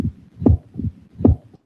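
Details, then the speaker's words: Teaching lecture example of mitral stenosis reduced to its extra sound alone: two heartbeats, each with an added sharp sound after the second heart sound and no clear diastolic rumble, an opening snap. "now mitro stenosis could be reduced to the extra sound like in this case t t just an open Snap"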